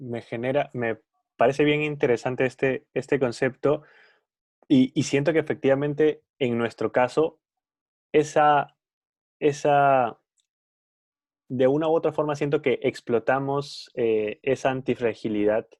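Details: Adult man who stutters, speaking Spanish in a podcast conversation; stuttering with repeated words.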